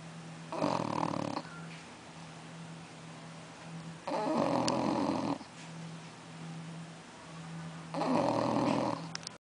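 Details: 6-month-old bulldog snoring while asleep: three loud, rattling snores at about 16 breaths a minute over a steady background hum; a five-times-a-day activity.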